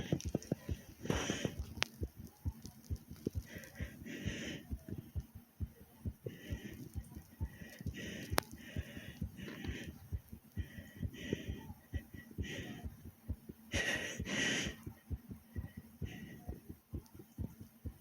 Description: I had just did some different excercises and got my heart beating fast.